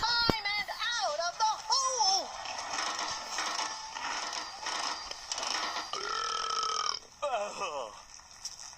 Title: burp compilation 82